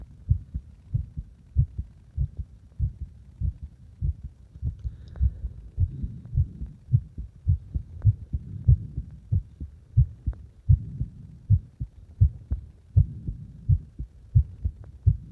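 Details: Heart sounds with changing heart rate, deliberately made faster and slower; regular low thumps at about 90 beats a minute with soft rumbling between beats, rate shifting slightly.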